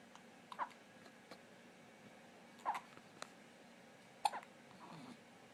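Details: Baby hiccups: three short, sharp squeaky catches about every two seconds in a quiet room, repeated hiccups.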